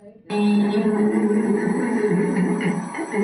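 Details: Severe spasmodic dysphonia with mild tremor, heard on a sustained 'e' recorded during laryngeal stroboscopy, with spasms interrupting vocal fold vibration.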